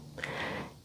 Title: My Snoring Husband part 5 #shorts